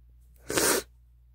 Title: spray wet sneeze 3 (F)